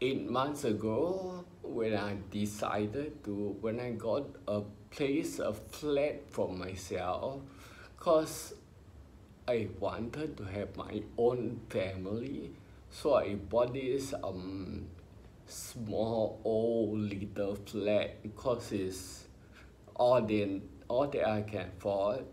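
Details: Ataxic dysarthria in an adult man with spinocerebellar ataxia, diagnosed by a neurologist about 20 years earlier in his twenties.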